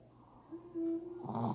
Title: Snoring pup